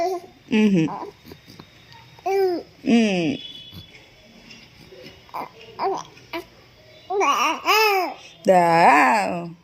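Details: Baby almost 2 months old cooing and babbling: short rising and falling vowel coos and gurgles, some in quick runs; normal cooing for this age.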